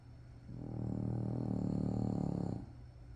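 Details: Sleeping French bulldog puppy: one long, deep, fluttering snore of about two seconds, with a soft buzz in the background.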